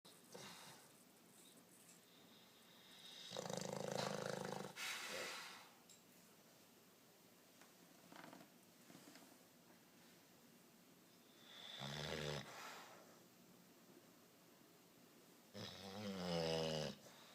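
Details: Sleeping bulldog: irregular rough snoring, several loud rattling breaths separated by quiet pauses; dog snoring.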